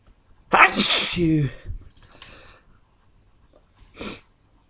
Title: Rather intenso sneezing fit!!